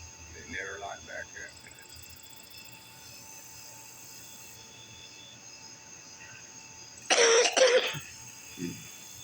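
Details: Quiet outdoor night noise with a faint voice, then one loud harsh double cough near the end; an ordinary cough.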